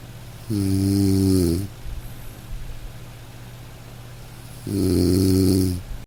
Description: In this video, we have recorded the sound of a real Snoring in high quality audio, allowing you to experience the true warmth and comfort it provides.